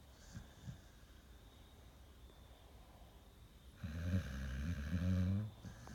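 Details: Pit bull described as having sleep apnea and restless leg syndrome, snoring while asleep with restless legs.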